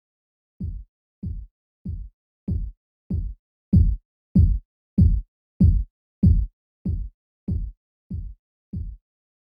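Simulated Korotkoff sounds: thirteen regular low thumps, about 95 a minute, rising then fading in loudness as the cuff deflates, marking systolic and diastolic points.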